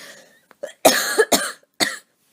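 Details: Voluntary coughing on request by a person recovering from a cold, with asthma and a more itchy chest than usual; a slight wheeze is noted at the end of breath intake; cough.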